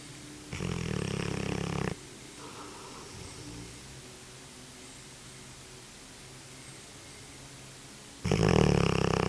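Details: Two loud, rough, low snoring breaths separated by a quiet pause: ordinary snoring during sleep.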